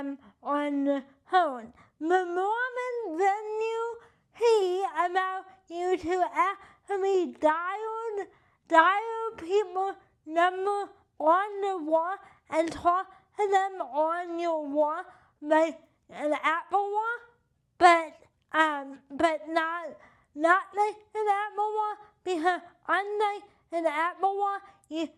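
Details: Adult with cerebral palsy and limited hand function; dysarthria (cerebral palsy).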